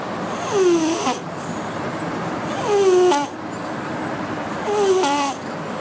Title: Cat snoring - The wheezy snore